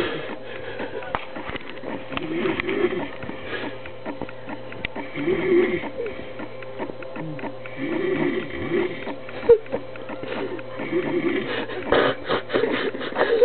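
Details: Drunk, overweight man who passed out mid-sentence: loud, rough snoring breaths recur over a steady hum and room noise, with laughter in the background; snoring.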